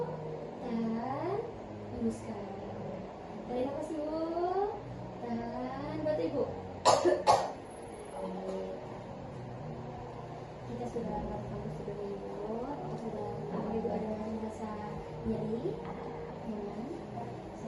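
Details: Simulated effective cough training with a female patient: after deep-breath instructions, two sharp back-to-back coughs to bring up sputum for lab sampling.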